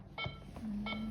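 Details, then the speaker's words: Bedside monitor alarm in a demonstration: two short electronic beeps over a low steady hum, sounding because a reading went outside the monitor's set alarm limits. "Kalau yang bunyi ini, ini adalah bunyinya bedside monitor. Jadi enggak bisa bedside monitor itu di ee bunyinya dihilangkan."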